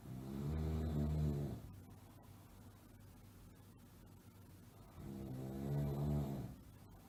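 Two deep, rattling snores on breathing in, with quieter breathing out between them; ordinary snoring.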